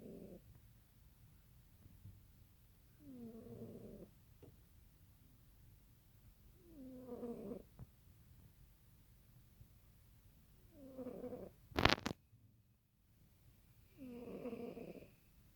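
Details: Soft, regular snoring from a sleeping cat, about one breath every 3.5 seconds (roughly 17 a minute), with a brief sharp noise midway.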